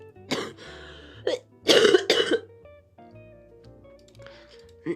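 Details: Person with a lingering throat cold, since enlisting in the military, coughs while streaming: several harsh coughs and throat-clearing bursts with faint music behind.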